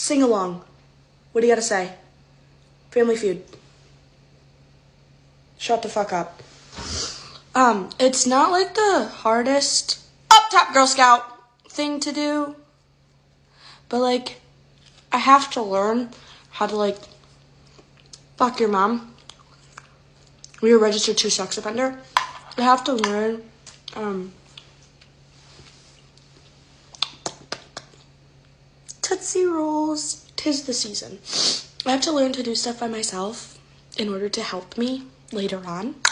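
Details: Woman with Tourette syndrome whose speech is interrupted by involuntary swearing and insult tics: vocal tics with coprolalia (Tourette syndrome).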